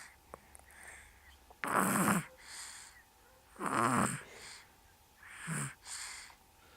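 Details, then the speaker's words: Dog named Chase asleep, giving loud, rattling snores on each in-breath, each followed by a softer out-breath, about 30 breaths a minute; ordinary snoring. "Okay, this is Chase snoring."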